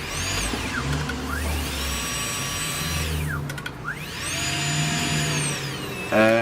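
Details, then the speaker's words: High whine of a Saeyang Marathon N7 dental laboratory micromotor repeatedly winding down and spinning back up as the handpiece switches between forward and reverse, over low room hum. "so we set at 45 you can slowly adjust your money press down it gets by 5,000 rpm that's it really it's not much else to it is the foreigner reverse feature"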